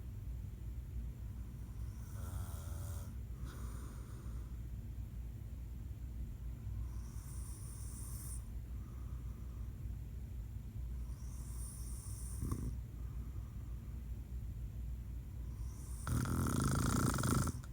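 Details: Rough, rattling snores on each in-breath, roughly every four to five seconds, over steady room noise; an adult man (father) snoring.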